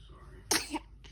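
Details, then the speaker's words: An awake baby with its father gives a big sneeze, followed by "bless you"; sneeze. "Bless you, bless you. A big old sneeze, yeah."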